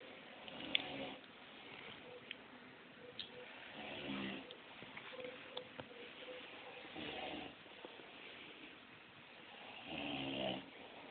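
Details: The uploader's father asleep, his snoring likened to an old car: quiet, rough, rattling breaths recurring about every three seconds over room noise; snoring.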